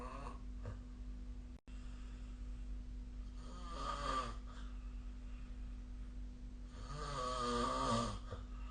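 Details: Snoring recorded with the SnoreLab app: two long, rattling snores during inhalation, with quiet breathing between, over a steady low room hum.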